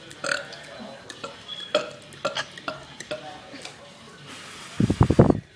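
Short clicks and mouth noises, then a low, rumbling, drawn-out burp near the end.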